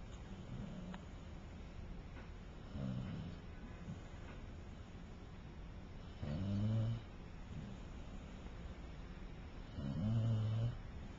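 Soft, low rumbling snores about every three to four seconds, roughly 16 a minute, over steady room noise; ordinary snoring.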